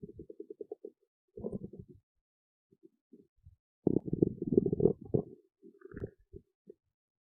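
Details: Irregular gurgling rumbles and squelches in several bursts; ordinary stomach growling from gas and fluid moving through the gut.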